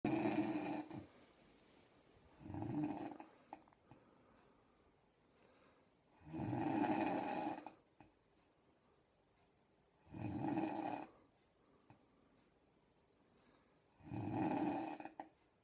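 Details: Snoring nicknamed a "Miss Piggy snore": four rough snoring breaths in about 16 seconds, near 15 a minute, with quiet pauses between.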